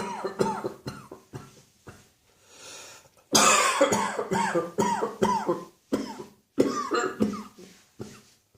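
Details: Mid-morning winter coughing fit: about fifteen harsh, voiced coughs in quick succession, one brief pause mid-way, then a louder run.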